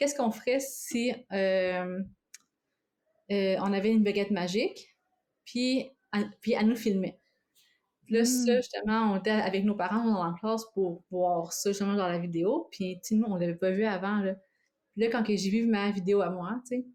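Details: Adult woman living with both stuttering and cluttering; cluttering and stuttering.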